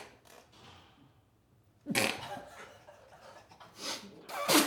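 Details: A sudden loud explosive sneeze, then a second forceful burst near the end, as a person tries hard to hold in sneezes; faint room noise.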